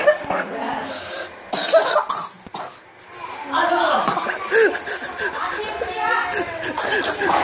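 Several harsh cough bursts mixed with background talk and room noise; a cough.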